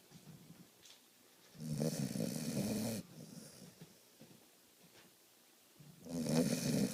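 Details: A dog is fast asleep while people watch TV, with loud, rough, rattling snores on each breath in and quiet breathing out, about one snore every four seconds; snoring.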